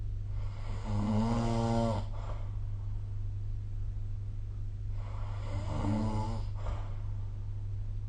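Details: Snoring during sleep recorded with the SnoreLab app: two loud, rattling snores on inspiration, quiet expiration between them, steady low room hum.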